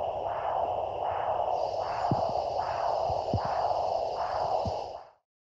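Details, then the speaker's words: Handheld Doppler ultrasound over a pulse site, picking up a vein rather than an artery: continuous windstorm-like whooshing rising and falling slowly without sharp pulse beats; venous Doppler signal. "if you find this sound it is likely you're listening to a vein rather than an artery"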